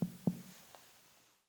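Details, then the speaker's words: Abdominal percussion: two hollow, drum-like taps with a brief ringing decay, a tympanic percussion note over hollow, air-filled intestines. "In contrast, the percussion sound of hollow, air-filled intestines is more drum-like in nature, and is therefore known as tympanic or tympanitic."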